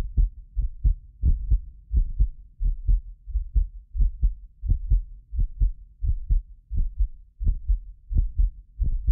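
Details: Heartbeat of a medically fit adult recorded with precision contact microphones (more than six, slight 6 ms delay), steady and regular at about 87 a minute; occasional doubled clicks are recording artifact, not heart disease; normal heart sounds.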